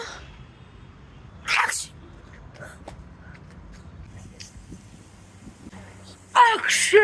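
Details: Sneezes shown as different types of sneezes: two loud, sudden sneezes separated by quiet room noise, the second longer with a voiced finish.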